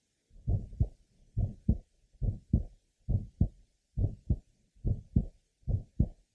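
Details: 15-year-old asymptomatic girl with congenital bicuspid aortic valve, third left sternal border: early systolic ejection sound still well heard with grade 3 somewhat musical aortic systolic murmur; aortic ejection sound with systolic murmur.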